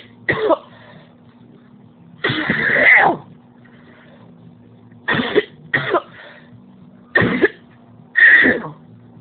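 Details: Adult coughing fit over nine seconds, forceful bursts, some single, some drawn-out and harsh, leaving the person physically drained and in pain.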